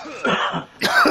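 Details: Cough.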